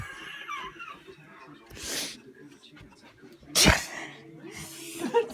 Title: Sneezing Prank!